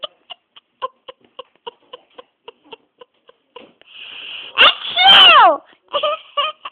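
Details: Sneezing from Socks: a run of soft rapid clicks, then a hissing build-up and a loud squeaky sneeze burst, followed by short snorts; recurrent sneezing.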